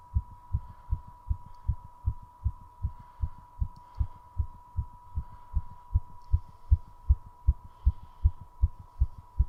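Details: Fast heartbeat after 3:30 minutes of squats: rapid, regular heart thumps at about 155 beats a minute, a normal fast rate during recovery with heavy breathing.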